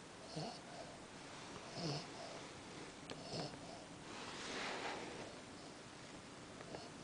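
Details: Cavalier King Charles spaniel snoring in the middle of the night while sleeping on a pillow: soft, uneven snuffling snores with faint whistling on the breaths, about 40 a minute, against steady background hiss.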